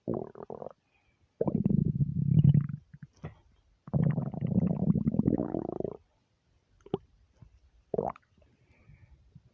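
Repeated low gurgling and rumbling runs with short pauses between them: ordinary stomach rumbling from gas and fluid moving through the gut.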